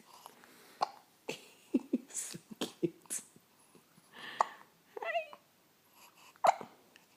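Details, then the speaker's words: 10-day-old baby boy with hiccups: brief, sharp, repeated little catches of breath with soft vocal sounds between; infant hiccups. "Bless you, baby. Your hiccups go away."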